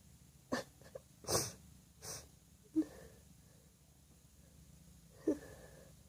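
Several short, moist explosive bursts with quiet room noise between them; repeated wet sneezes.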